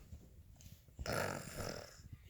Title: Toddler fake snore